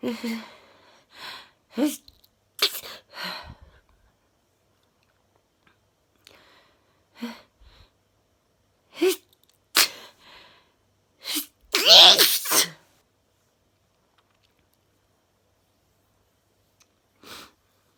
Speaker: i'm just the first test i'm just about to start sneezing oh my god oh getting a lot jar again i'm trying to hold it back oh god